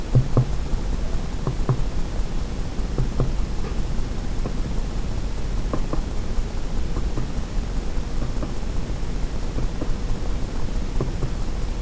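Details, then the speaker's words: Indirect two-finger abdominal percussion in an exam lab demonstration: soft paired taps in a side-to-side zig-zag, three or four spots per quadrant, starting right lower quadrant, clockwise, over a steady hiss. "so we percuss the ABS we we will do indirect percussion so two fingers and we're to follow that same side to side zig-zag pattern that we followed when we auscultate it"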